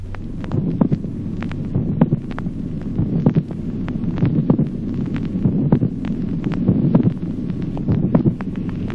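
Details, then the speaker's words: Teaching recording of a late systolic click: a notable resonant extra sound shortly before a dull second heart sound, in low, regular heart sounds. "ejemplo octavo clic telesistólico el segundo ruido sordo es precedido a poca distancia por un notable ruido adicional resonante"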